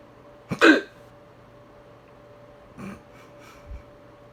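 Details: One sharp, abrupt gulping hiccup followed by softer catches in the breath against quiet room noise: hiccups after eating salami too quickly.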